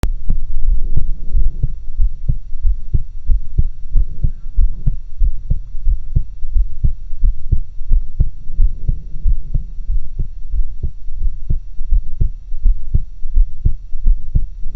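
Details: Own heart sounds recorded through a stethoscope with a two-stethoscope stereo-style method: steady low thumping heartbeat at about 88 beats a minute over a low hum.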